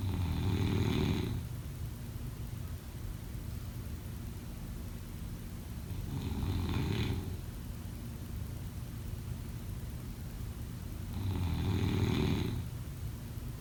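Three loud, rough snores on breathing in, about 5 seconds apart (roughly 11 breaths a minute), with quiet breathing between them.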